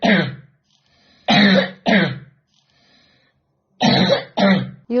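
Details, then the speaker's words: 12-year-old boy, coughing for about eight years and worse for four, day and night, unable to continue school: repeated loud, harsh, voiced coughs with a throat-clearing quality: chronic cough. "78 yıldır öksürük var ama 4 yıldır bu şekilde diyebilirim size."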